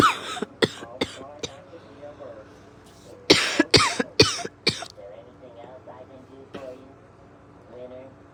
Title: Exhausted…coughing…